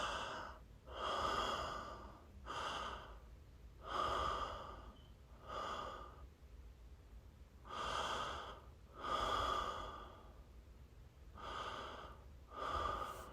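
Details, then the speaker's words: Slow, deep, calm, regular breaths at about 18 a minute, taken to relax and avoid gagging while a dental impression tray is held in the mouth during a 5-minute setting wait. "remember breathing deep and exhaling deep helps you relax and you won't feel any gagging"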